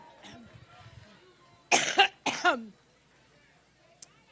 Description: Always found it weird that is always coughing, but what is really weird is what she ends up coughing up in this video right into her glass of water.